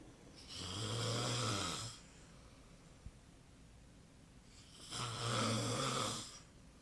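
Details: Person snoring: two long, rough, rattling snores while breathing in, separated by a quiet pause of about three seconds.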